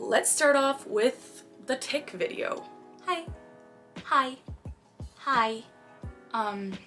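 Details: 23-year-old woman diagnosed with Tourette syndrome at age 12, with motor and vocal tics including a recurring phrase tic and repeated "hi hi"; vocal tics (Tourette syndrome).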